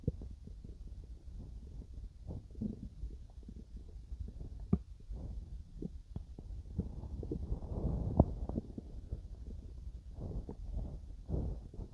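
Low gurgling and rumbling with scattered pops from the belly, ordinary stomach growling during digestion.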